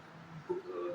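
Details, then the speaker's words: Adult imitating a barking cough, likened to a dog's bark, as a respiratory problem sign: a single abrupt, harsh, voiced cough, typical of croup. "है ना, जैसे like कि bark जो है ना, एक dog कैसे बार्क करता है, भौंकता है, खांसने में ऐसी आवाज निकलती है ना।"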